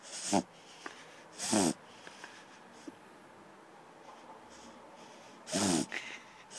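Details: A dog makes three loud snorting, honking inhalations with quiet gaps between them: reverse sneezing, which the owner attributes to stick eating and pulling on the lead.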